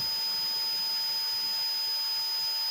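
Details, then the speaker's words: Steady high-pitched hiss with thin continuous whistling tones; one of nine 5-second simulated tinnitus sounds played from a tinnitus-matching app. "अगर आपको इस तरह की आवाज़ सुनाई दे रही है तो आप अपने डॉक्टर को बता सकते हैं।"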